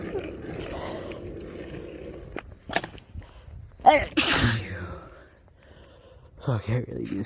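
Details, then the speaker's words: Sneezing fit outdoors while skateboarding in cold weather, which the person blames on the cold, allergies and being drunk: outdoor noise, then sharp sneeze bursts, one forceful with a vocal tail, then more sneezes. "I've literally been fine all day my allergy should not be acting up right now"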